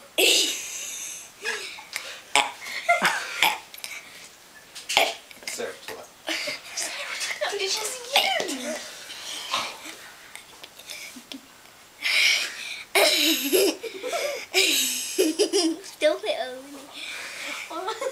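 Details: Girl deliberately burping the alphabet: string of voiced belches shaped into letter sounds, with laughter and talk in a small room; deliberate burping.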